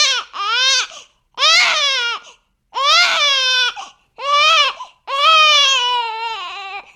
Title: Efecto de Sonido Bebé Llorando / Sound Effect Crying Baby